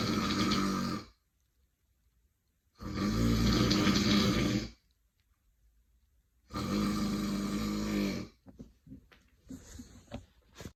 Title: the biggest snore of a sexy woman